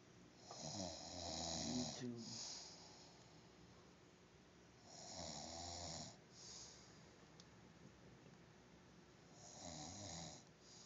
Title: Douche Bag said he never snores!!!